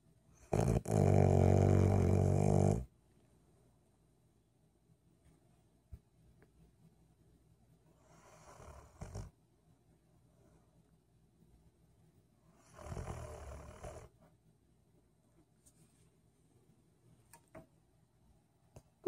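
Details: Golden retriever asleep: a loud rumbling snore, then two softer snoring breaths in a quiet room; snoring.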